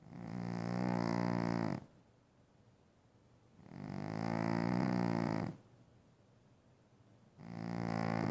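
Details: A sleeping dog snoring heavily: loud, rough, buzzing snores, each lasting nearly two seconds with quiet gaps, about eleven breaths a minute.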